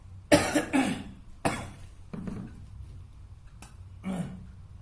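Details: Three or four forceful coughs in quick succession, then softer huffs, from a 35-year-old man on an internal medicine ward; demonstrated voluntary effective cough with chest physiotherapy for clearing sputum.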